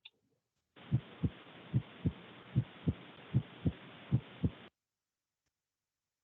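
Steady lub-dub pairs at about 75 beats a minute over a hissy background, with a brief voice at the end: normal first and second heart sounds.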